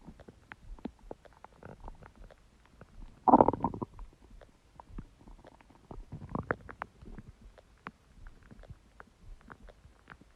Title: Empty stomach growling sound | My Stomach Makes Noises